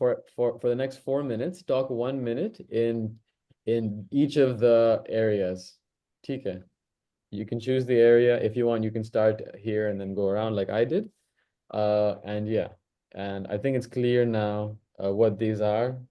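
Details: Adult host of a stammering practice circle who stammers, speaking naturally before a voluntary stammering demonstration; stuttering with word repetitions.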